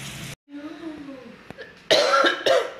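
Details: Adult woman, unwell with a cough and a voice worn out, coughing at home: two loud harsh cough bursts after quiet background sounds.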